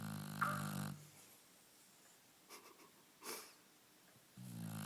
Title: snoring lilac shar pei Mora